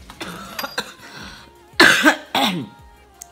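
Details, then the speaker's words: Cough from an adult with a chronic cough that causes night-time cough attacks and woke them from a nap despite cough medicine. "woke up from a I think a 3 hour 4H hour nap because my cough woke me up so that means that the cough medicine is not working still"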